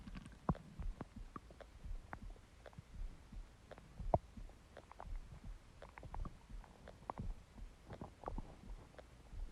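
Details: Stomach growling (borborygmi) from an empty stomach: low, irregular gurgling and rumbling with soft bubbling pops.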